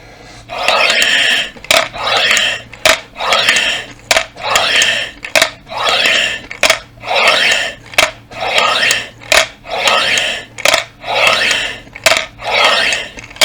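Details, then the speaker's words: Adult recently recovered from illness using a three-ball incentive spirometer (Triflo) to exercise lungs: repeated forceful breaths, rushing airflow about a second then a click, roughly 45 a minute, trying to keep all three balls up. "yukarı çıktığınız zaman biraz daha üflemeye devam ederek biraz Orada kalsın Yani biraz fazladan üfleyin yukarıda üçü birden kalsın yukarı doğru"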